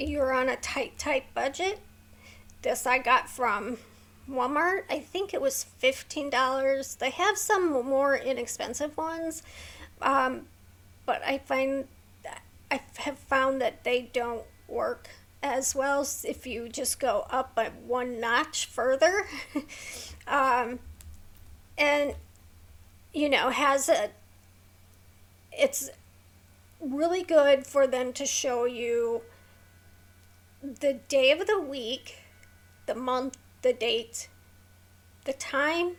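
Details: Vocal tremor in an adult woman with a neurological condition causing tremor of the hands, voice and head plus mild tardive dyskinesia; she strains to talk, which makes her throat sore.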